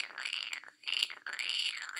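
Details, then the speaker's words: Mouth-made imitation of rales (crackles): broken, discontinuous crackly hissing bursts, arising at the level of the alveoli and attributed to fluid overload, shown in contrast to continuous rhonchi. "rails are crackly noises they occur at the level of the alveoli they are discontinuous because if you've ever heard what the crackling noise sounds like it's not one continuous sound it's kind of like"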